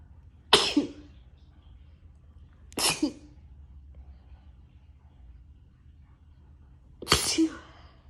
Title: Sneezing on my couch